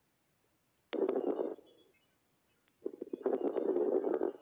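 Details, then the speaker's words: Lung auscultation teaching example: low-pitched, louder bubbling, popping crackles in bursts with breathing, lasting longer than fine crackles: coarse crackles. "لكن الكورس كراكل بتكون لاودر عاليه لكن حدتها اقل تمام ليتش وبتقعد فتره اطول من الفاين كراكل"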